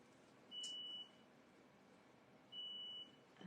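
Two steady high-pitched electronic beeps, each about half a second, two seconds apart, in a quiet room: a dialysis machine alarm sounding.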